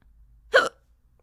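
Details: A single short, sharp, voiced hiccup in a quiet room from Pencil, who hiccups during a numbers lesson in a kindergarten class; hiccups.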